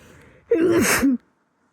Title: some dusty sneezes